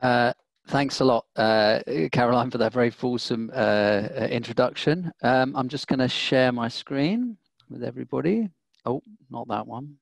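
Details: Adult speaker, likely male; normal speech.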